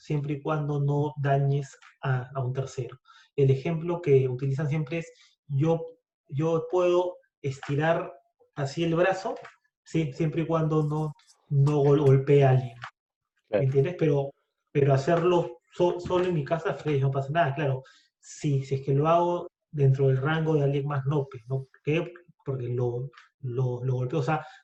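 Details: Stuttering in an adult who identifies as a person who stutters, speaking Spanish spontaneously in conversation.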